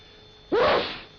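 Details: Sneeze in a 1948 British Health Ministry public-health film on covering coughs and sneezes with a handkerchief.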